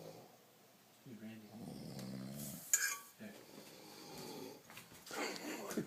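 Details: Three sleepers snoring together: low rattling inspiratory snores overlapping, with a dog-like snort; ordinary snoring.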